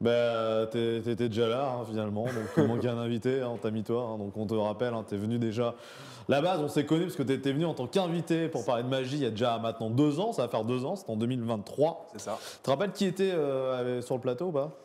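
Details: Adult man; typical speech.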